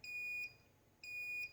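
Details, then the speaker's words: Two sustained high-pitched electronic tones separated by a brief pause: the fault alarm of an Optune tumor treating fields device worn on the head by a cancer patient after chemo and radiation. "Now that's the alarm that goes off anytime this thing's not happy."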